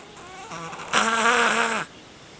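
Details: Siamese cat sleeping in the dark at night: one loud, drawn-out, buzzing snore, deep and rough like an older man's snoring.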